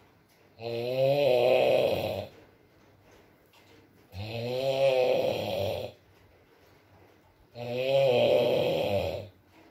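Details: Adult man (boyfriend) asleep, ASMR recording with rain: three loud, rough inspiratory snores, about 18 a minute, with quiet pauses between them; snoring.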